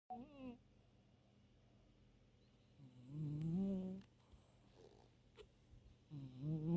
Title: Snoring Cat